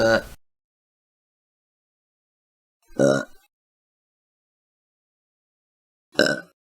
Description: Large compilation of burps.